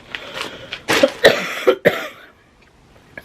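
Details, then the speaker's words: Short run of four chesty coughs in a small room from an adult whose cold has set off their chest again, worse on a misty day, with tickly mucus; cough. "apologies it's very Misty today my chest is not doing well with it"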